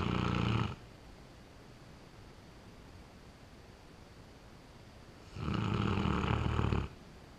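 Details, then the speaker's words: Pet dog sound asleep in the corner: two long, loud, rattling snores separated by several seconds of quiet room noise; ordinary snoring. "okay you'll have to excuse the snoring noise uh zeus is pretty well passed out in the corner there you can hear him"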